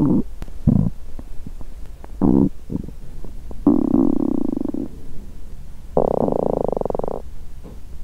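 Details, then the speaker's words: Several low gurgles and clicks, then two long rumbling growls over a second each, from an adult woman's stomach after more than 17 hours without food; period due, quieter than usual: hunger borborygmi. ""The sound of my stomach didn't sound like the usual loud digestion sound, but rather, I could hear the small sound of menstruation.""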